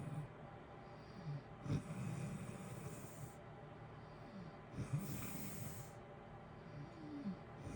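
Low rumbling snores on in-breaths, roughly every three seconds, over a steady hiss of heater noise; ordinary snoring.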